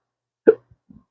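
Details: Man with chronic, intractable hiccups, speaking about losing his acting and surgical tech careers: one abrupt voiced hiccup followed by faint small sounds.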